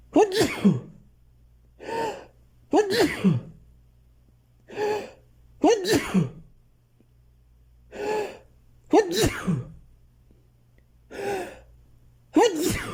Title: I really need to sneeze a lot